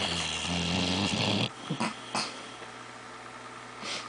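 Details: Dog snoring while asleep with paws up: one loud, rattling snore on a single breath, then quieter snuffling breaths with a few soft snorts.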